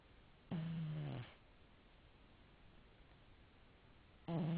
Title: Qik - Magnum the snoring cat! by Mike L.